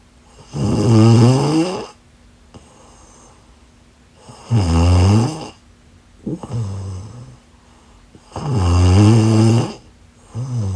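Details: Person asleep: loud, rough, rumbling snores on each breath in, about 15 a minute, quieter breaths out between, faint steady hum in background; snoring.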